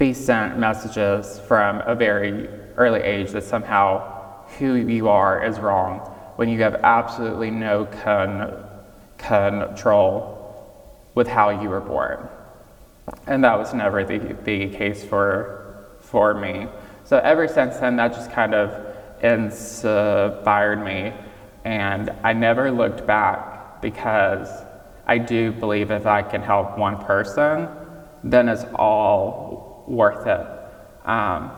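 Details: Real recording of a 26-year-old man with childhood apraxia of speech, diagnosed at age five after not speaking until then, with speech therapy five times a week; he says saying things may take him more time.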